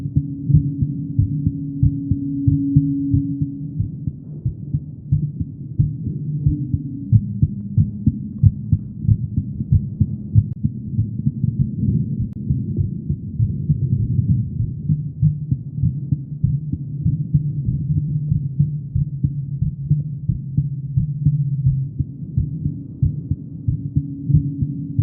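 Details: Female heartbeat: steady low thumps at about 90 a minute under a constant low hum, an ordinary heartbeat.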